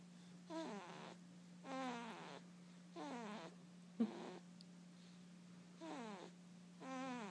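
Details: Snoring during sleep.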